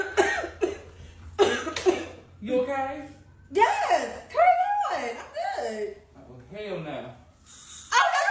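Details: Cough.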